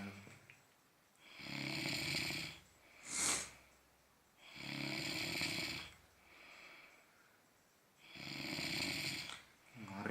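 Loud, harsh, rattling snores on each breath in, about three in ten seconds, with a short snort between.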